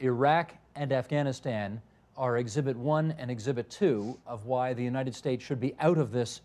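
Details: Adult male speaker; normal voice.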